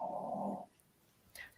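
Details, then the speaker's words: One loud, rough, snoring-like breath noise from a small dog, followed by near silence in a small room. The owner suspects congestive heart failure and plans a vet visit; snoring-like respiratory noise. "oh that noise like snoring yeah it's Max I thought it was one of our dogs and I thought they're not in the room"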